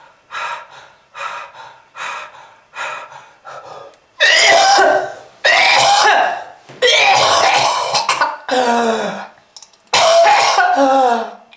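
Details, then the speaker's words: Smoker's cough from lung disease, bringing up red-coloured sputum: repeated harsh, wet coughing bouts with throat clearing and gasping breaths between. "ah that red color is not from fruit punch kids if you want this to happen to you just keep smoking this is lung disease"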